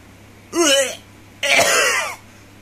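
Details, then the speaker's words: An adult demonstrating a deliberate cough with two voiced coughs, the second longer and harsher, in a quiet room: voluntary cough. "and you want to like do it like this like when you want to cough like here like that"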